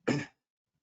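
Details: 30-year-old man with Tourette syndrome; a short throat-clearing sound. Vocal tic (throat clearing).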